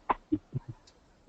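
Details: Cough.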